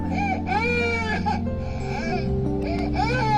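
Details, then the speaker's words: Simulated newborn crying: a recorded baby's wailing cry, rising and falling in pitch, played from a speaker hidden in a car's front seat beside a reborn doll, over steady background music. "so we decide to give it a little help and hide a speaker in the front seat playing the sound of a baby"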